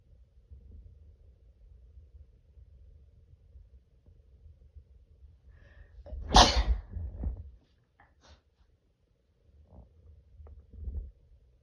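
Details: Morning sneeze: low rumbling background, then one loud explosive sneeze with a smaller follow-up burst and quiet breaths after.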